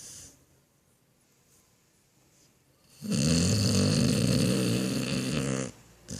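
A quiet pause, then one loud, rough, rumbling snore lasting over two seconds, from a dog.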